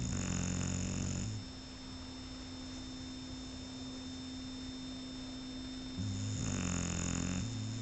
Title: Shar pei snoring